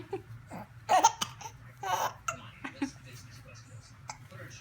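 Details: 3-month-old baby boy, tickled by his mom, gets hiccups: soft babbling and laughter-like vocal sounds broken by several brief, sharp catching bursts, infant hiccups.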